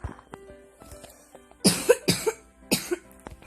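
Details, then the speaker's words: Gamer with a cough and flu and a hoarse voice: three harsh coughs over light background music and game sounds, an ordinary cough during a cold. "Então, vocês vão ver como a minha voz tá rouca porque eu tô com tosse e gripe. Ai, é dureza mesmo."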